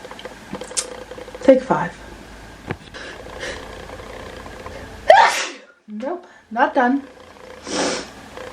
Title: SNEEZING BEFORE STARTING THE VLOGS!